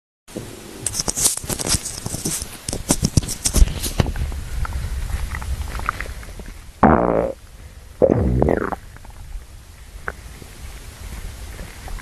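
Low gurgling and rumbling from the belly, with a few louder drawn-out growls. Normal hunger stomach growling.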